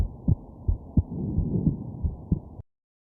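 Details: Heartbeat of a sick person with a completely stuffed nose, lying down to sleep with hiccups: regular low thumps at about 87 a minute under a steady hum, with faint extra bumps from hiccups; an ordinary heartbeat.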